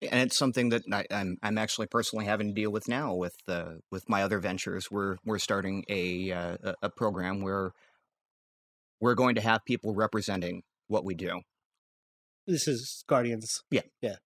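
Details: Adult male podcast co-host who says he has a recurring stammer; stuttering (stammer).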